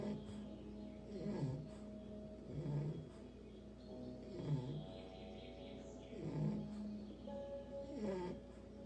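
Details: English bulldog puppy snoring while asleep; ordinary dog snoring.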